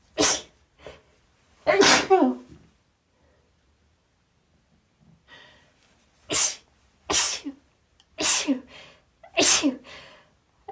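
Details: Female sneezing after trying the chhinkni herbal sneeze trigger for the first time: a rapid run of about six sharp, explosive sneezes with short gasping breaths between; repeated sneezing.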